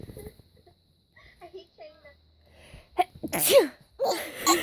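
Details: Mother sneezing while her baby laughs: quiet infant sounds, then a sharp burst of a sneeze followed by a second burst of noise; repeated sneezing.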